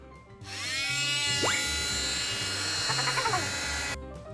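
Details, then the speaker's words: Oscillating cast saw for removing plaster casts, demonstrated on a hand without harming skin (it only tickles): a loud, steady high-pitched whine for about three seconds with a rising whistle. "Elle est équipée d'une lame oscillante qui, entre les mains d'experts, permet de retirer un plâtre rapidement et sans blesser."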